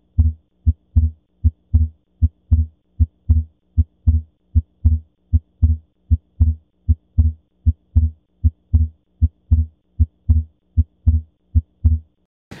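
Clean, regular heart sounds at about 77 beats a minute; the second sound intermittently splits into two close parts, a normal physiological S2 split.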